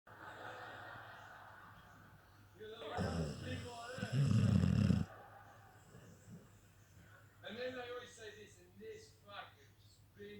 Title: Snoring staffy